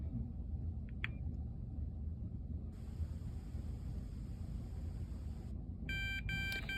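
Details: Quiet room rumble with a few short electronic tones and a burst of rapid beeps as a CADD PCA pump is switched on with its side on button; infusion pump start-up beeps.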